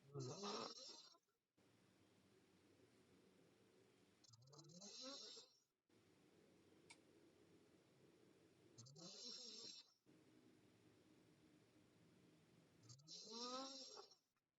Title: Sleeping Girl Mouth Open & Snoring